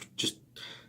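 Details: Adult who is ill with a sore throat that hurts to talk gives a single short, harsh cough or throat clear, followed by a faint breathy hiss.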